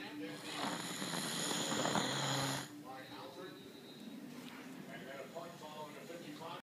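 One long, harsh, rasping snore, then softer snuffling breaths with background noise. Snoring.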